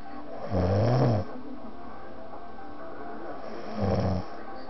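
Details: Two loud, rattling, low snores on breathing in, about three seconds apart, over a steady background hum; very loud snoring during sleep.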